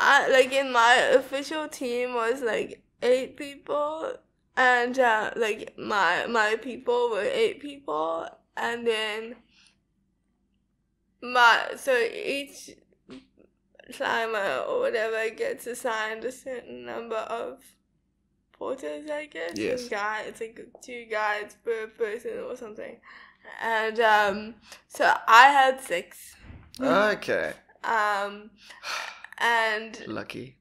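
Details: Young woman with cerebral palsy diagnosed at 11 months, speech not very clear; dysarthria (cerebral palsy).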